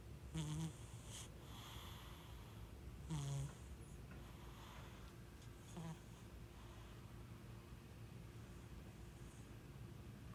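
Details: Short, low snoring snorts from a sleeping cat, repeating every few seconds over a steady room hum; ordinary snoring that sounds human-like.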